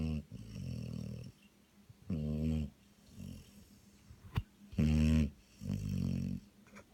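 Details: A dog snoring: loud rumbling snores with a voiced, buzzing quality, repeating irregularly about 23 times a minute in a quiet room.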